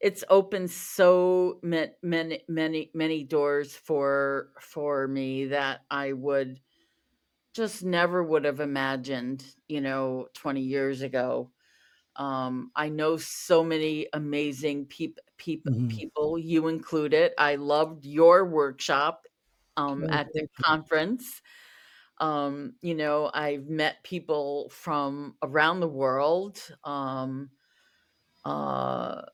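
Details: Stuttering in an adult woman who was a covert stutterer for over 35 years, with word and part-word repetitions.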